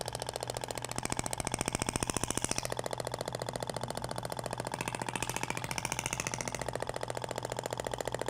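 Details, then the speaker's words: Radial shockwave handpiece (IBRAMED Thork) fitted with a different tip, firing in rapid, very even tapping at about 15 pulses per second over the abdomen near the umbilical scar in a practical training demo; the tip sounds different from the previous one. "agora vai para o sentido até o barulho é diferente da ponteira de cordas e tal"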